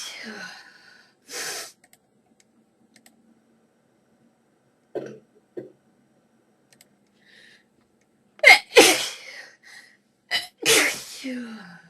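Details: Sneezing fit: several sharp, explosive sneezes, each preceded by a quick intake of breath, with quiet pauses between them.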